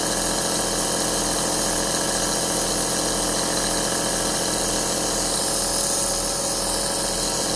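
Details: An 11-hour aerosol relaxation sound recording: a compressor nebulizer running continuously, with a steady mechanical hum and buzzing hiss, used as ASMR white noise for relaxation and sleep.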